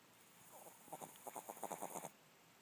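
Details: Snoring from a sleeping Chihuahua named Tripp: one soft, fluttering, rapidly rattling snore on a single breath in a quiet room.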